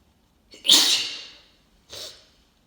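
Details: Adult with a cold, still congested, deliberately inducing messy sneezes, nose blow at the end: one forceful, hissing sneeze followed by a softer second one; sneeze.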